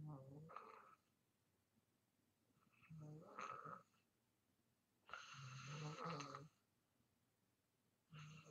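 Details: Loud rattling snores on each breath with quiet pauses, about 20 breaths a minute, from a person in deep sleep: ordinary heavy snoring.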